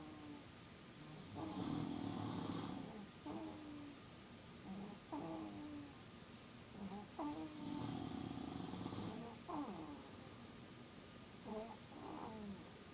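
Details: Snoring in sleep at 2 AM, one sleeper snoring next to another, low-volume recording: two long, rough, rattling snores about six seconds apart, with softer squeaky snorts and whistling breaths between them against faint room noise.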